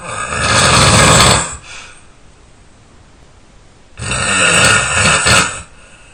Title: my loudest snore ever